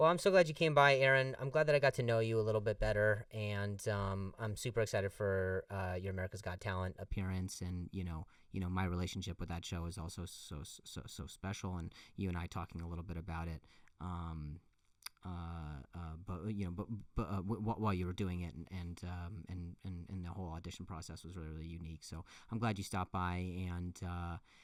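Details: Adult male comedian who stutters, saying the stutter has gotten a lot better over the years, speaking conversationally with repeated words and phrases; stuttering.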